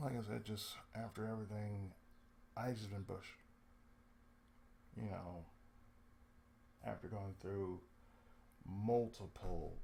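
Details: Adult male with cerebral palsy, lifelong, with speech problems since childhood; he reports an occasional lisp, breaks where he cuts himself off mid-sentence, pauses, and a drawl he calls sudden and sleepy; dysarthric speech (cerebral palsy).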